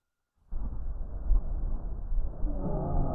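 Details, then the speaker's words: Stethoscope auscultation in a respiratory assessment teaching session: muffled chest sounds with faint musical whistling tones emerging toward the end. These are wheezes, linked to narrowing of the bronchial tree and reduced bronchial lumen. "Las sibilancias se relacionan más con una estrechez del árbol bronquial, ¿no? Una reducción de la luz a nivel bronquial, y el sonido es más bien tipo silbido, por eso se denomina sibilancias."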